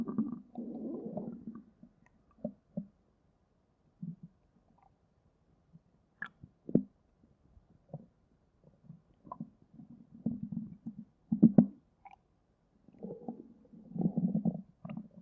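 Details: Stomach growling in a girl, said to be very hungry: low gurgling rumbles and squelches in bursts with quiet gaps, ordinary bowel sounds (borborygmi) of an empty stomach.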